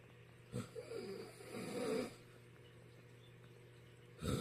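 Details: Father snoring loudly near a baby: rough noisy inhalations, two or three in a few seconds, over steady low hum: ordinary snoring.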